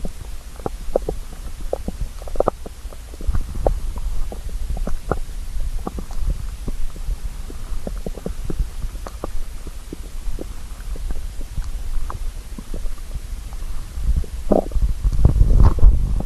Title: Stomach growl (hungry)